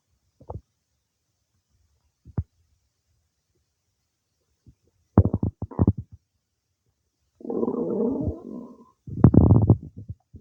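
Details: Scattered low gurgles and bubbling rumbles with quiet gaps between them; normal bowel sounds of digestion some time after eating cake.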